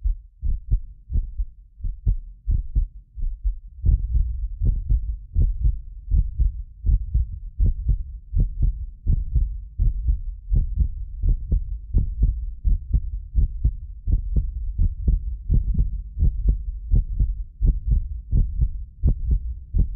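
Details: Heartbeat of a self-described medically fit person, recorded with more than six precision contact microphones: steady, regular low thumps. Occasional doubled clicks are an artefact of about 6 ms delay between microphones. Normal heart sounds.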